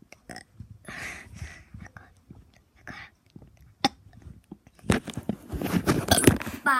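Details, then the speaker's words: Burping after eating Chipotle: a run of gurgling, throaty belches, some long and drawn out, ending in a louder, rougher series of repeated burps. "Sounds like my poop when I ate Chipotle today, but in my burps."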